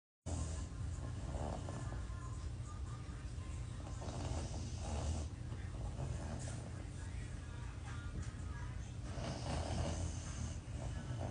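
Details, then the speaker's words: Adult dog snoring loudly like a grown person: continuous deep, rumbling breathing with loud low-pitched snorts; snoring. "that is a grown ass dog y'all snoring like a grown person that is wow tell me have you ever seen a dog snore like that"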